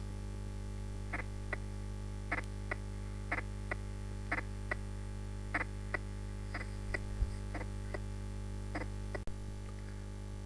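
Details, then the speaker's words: Heart sounds at about 57 a minute with the first heart sound markedly and widely split into two close components; an example of wide splitting of the first heart sound. "تعالوا نسمع مثال واضح ل markedly splitted first heart"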